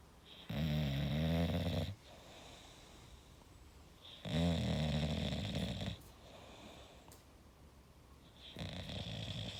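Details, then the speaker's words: Loud, rattling, low snores on each breath in, about 16 a minute, with quieter breathing between them, from a sleeping English Bulldog: snoring in a flat-faced dog. "Honey? You're snoring, darling."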